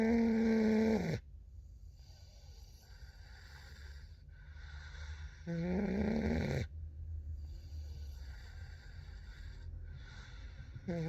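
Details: Snoring during sleep: loud, raspy snores on breathing in, about eleven per minute with uneven timing, over steady room noise.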